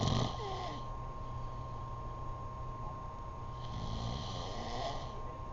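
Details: Adult man asleep; deep, rumbling snores over steady background hum, one at the start and a longer one a few seconds later: loud snoring during sleep.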